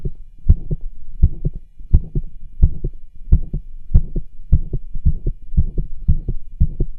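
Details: Cardiology stethoscope auscultation over tricuspid, aortic and pulmonic areas while the patient does pushes to accentuate heartbeat; rubs and murmurs audible, especially over the pulmonic area.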